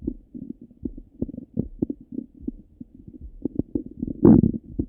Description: My stomach got really rumbly after my breakfast.